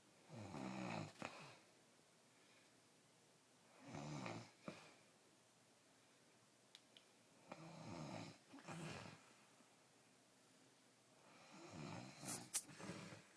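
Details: Loud rough snoring in ordinary sleep, about 4 breaths per 13 seconds with quiet pauses between, growing louder near the end; snoring.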